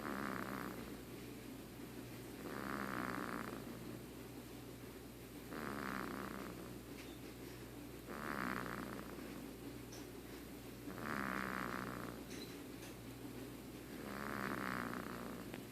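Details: One-month-old baby snoring: regular soft snores, about 23 breaths a minute, over a steady low room hum.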